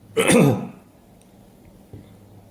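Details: Allergic sneezing in a dusty, very cold air-conditioned lab where animal hair may be present, with itchy nose and eyes and at least 30 sneezes in one hour; one sharp, explosive sneeze, then quiet room noise.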